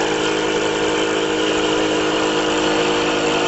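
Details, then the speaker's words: Loud steady motor hum and buzz of a Drive DeVilbiss Vacu-Aide portable suction unit, for tracheal or oral suction, switched on while the pressure knob is adjusted to the set level: portable suction machine running. "So I'm going to turn the machine on. Adjusting my pressure to where I want it set"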